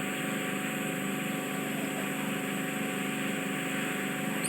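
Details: Endoscopic ear microsuction by a nurse, removing deep, difficult wax lying almost on the eardrum: steady high-pitched suction hiss with a faint rapid flutter; ear microsuction.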